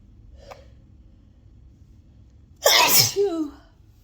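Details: Final sneeze of an intense, loud sneezing fit: a brief intake, then one loud, explosive, wet sneeze trailing into a short voiced tail; sneeze.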